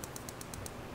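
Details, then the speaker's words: Rapid, evenly spaced sharp clicks, about six to eight per second, from a PiezoWave2 shockwave probe with 20 mm standoff, reduced power, treating a sedated horse's middle hock joint; shockwave therapy device firing. "so this counter it's set up to stop every 4,000 clicks that's just to help the administrator keep track"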